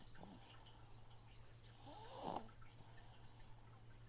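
One soft snorting snore rises over the steady hum and trickle of a fish tank filter: snoring.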